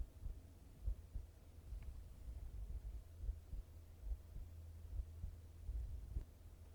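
Soft, muffled low thumps repeating steadily under a low hum, about 70 beats a minute; an ordinary heartbeat.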